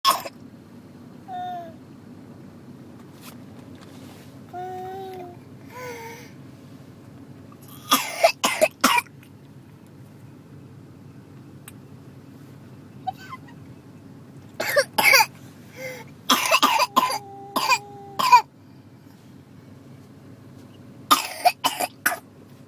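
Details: Whooping cough in an immunized 3-year-old girl: repeated runs of rapid coughing bursts with high-pitched gasping between, not her worst episode; the cough is expected to last at least 3 months and to sometimes cause vomiting.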